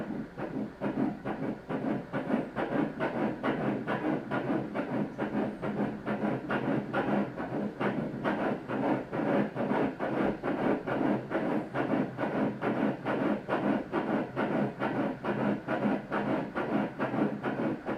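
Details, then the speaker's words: Fetal heartbeat at 7 weeks (7 weeks 1 day) of pregnancy on early ultrasound Doppler: fast, regular whooshing pulses at 135 per minute, within the normal 120–160 range, no arrhythmia. "박동은 조직적으로 들리고 있어요 빨리 들리는 것은 원래 트 아들은 얼음도 부터 2배 정도 이상 빨리 들려요"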